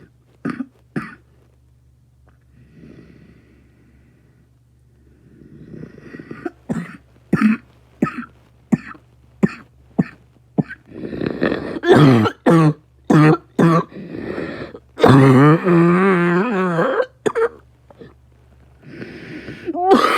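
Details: Repeated harsh adult coughs in clusters, with throat clearing and a steady low background hum.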